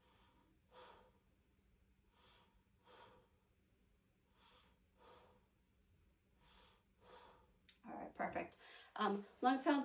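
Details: Normal breath sounds during a head-to-toe exam, with lungs clear, no abnormal sounds and equal chest rise; the posterior thorax is then assessed.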